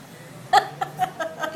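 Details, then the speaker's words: Woman with hiccups after heavy wine drinking, on the way back to the hotel: several short, abrupt voiced gulp-like catches in quick succession, possibly blending with laughter; hiccups. "the way back to the hotel she gets the hiccups and she's like and i told her stop it said hold your breath"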